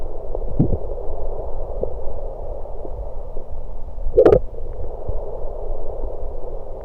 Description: Today's video I recorded my stomach while gulping down some Diet Pepsi.